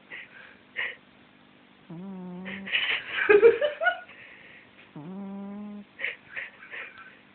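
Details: Sleeping cat makes loud, drawn-out, buzzy, whistling snores about three seconds apart, with a rougher snort between them; snoring.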